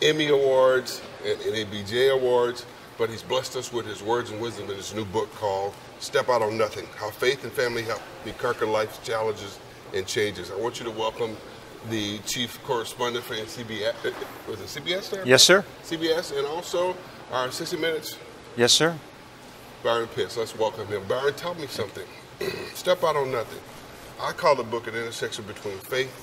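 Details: Two adult men in conversation; normal speech.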